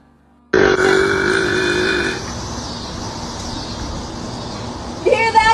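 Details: Female burping: one long, loud voiced belch lasting a few seconds, fading into a rough rumble, then a brief vocal sound.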